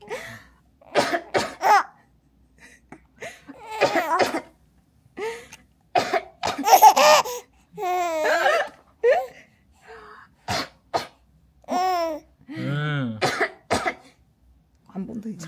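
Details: Mother gives repeated deliberate coughs, each followed by bright giggling laughter from her 91-day-old baby; voluntary cough.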